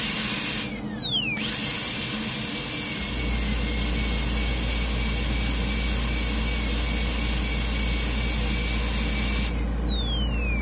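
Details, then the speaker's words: Loud, steady high-pitched whine of a high-speed dental handpiece with a coarse diamond bur held perpendicular to the lingual surface, pitch falling on spin-down, during endodontic access preparation on anterior tooth #8. "so I'm going to just use the uh coarse Diamond bird and those Z bir is always safer but the diameter is kind of big so you need to be careful"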